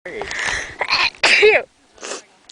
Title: sneezing from hay